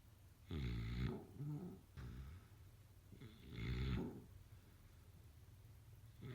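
Deep rumbling snores with each breath, roughly every three seconds, with quieter breathing between them.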